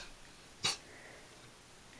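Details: Cat sneezing: a single short, sharp, hissing sneeze over low room noise, with the start of another at the very end.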